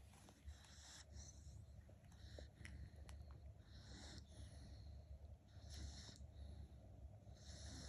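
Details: Sleeping dog snoring very loudly: low, rough, rumbling breaths repeating steadily with snorting noises.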